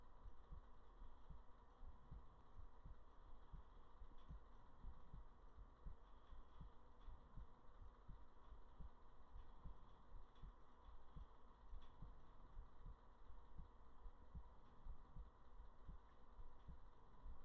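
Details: Soft, regular low thumps over steady background hiss; close-up heartbeat recorded for relaxation ASMR; normal heartbeat.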